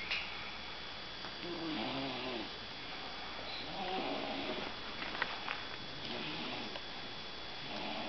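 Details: Person snoring during sleep: soft, rasping breaths in a slow, uneven rhythm, with faint room noise; snoring.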